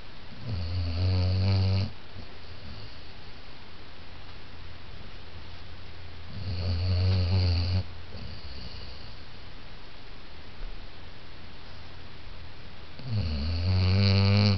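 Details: Basset hound snoring while asleep: three loud, low, rattling snores on the in-breath, roughly every six seconds, about ten breaths a minute, over steady room hiss.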